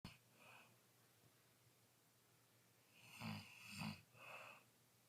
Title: Day 3 snoring